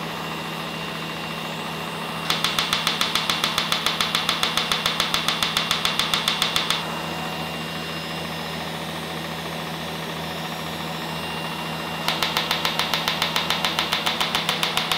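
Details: Laser removal of a long-standing mole with no recent change in a female patient, described as painless: two bursts of rapid, regular snapping pulses, about three to four a second, over a steady machine hum as an erbium laser vaporizes the mole.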